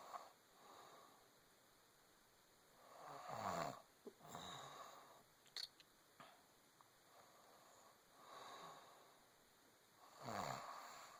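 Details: Pregnant woman snoring softly in sleep: breathy snoring with slow repeated breaths and faint snorts over quiet room hum.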